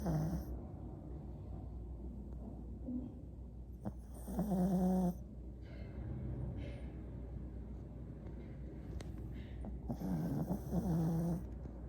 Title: Snores